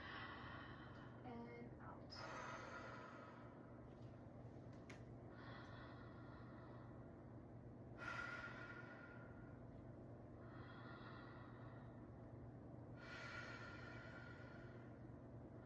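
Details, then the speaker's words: Patient taking slow, full deep breaths in and out through a stethoscope diaphragm during a head-to-toe exam: smooth, unlabored, clear breath sounds, about 17 breaths a minute, no gurgling or wheeze. "All right, so listening to your breaths, your breath sounds were clear. Um, you were respirating around 17 breaths per minute. I didn't hear any gurgling."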